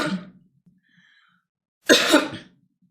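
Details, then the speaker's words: Girl with a bad cough and hoarse voice during a live stream: two separate harsh adult cough bursts with a quiet pause between, in a small room. "Ai, tô com uma tosseca, ruim. É funcionalidade. Que bom que você se preocupa com ela dessa forma. Ai, amoras, hoje, hoje você tem que ter assim, ó, uma paciência de aguentar essa minha voz rouca, de aguentar a minha tosse."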